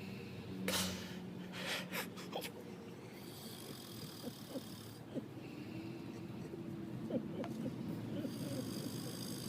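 Irregular snorting and snoring noises with rough, noisy breathing and some background noise.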